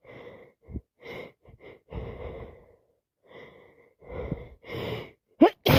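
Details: Person with a cold and sinusitis, eyes streaming and nose constantly running, makes repeated breathy sniffs and catches that build into sharp sneezes; non-stop sneezing.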